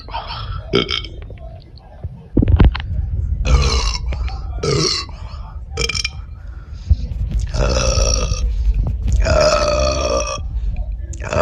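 Repeated loud, low, rumbling belches over several seconds, consistent with frequent burping.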